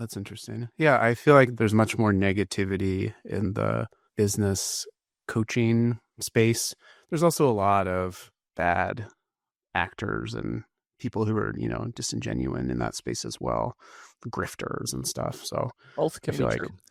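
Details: Adult male speaker; normal voice.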